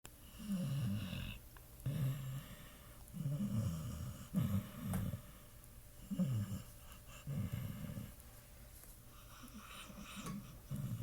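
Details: Sleeping, dreaming Pit Bull: deep, rattling snores recurring irregularly, about 48 a minute, with soft whimpering noises between some breaths; snoring in a dog.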